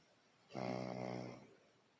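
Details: Snoring during sleep: one loud, rumbling, buzzy snore lasting about a second in a quiet room.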